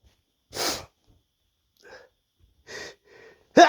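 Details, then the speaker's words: A man's run of sneezes: one loud explosive sneeze, quiet breathy sounds, a second smaller burst and the start of another. "I thought I'd uh put something together and give you some more sneezes here here it goes"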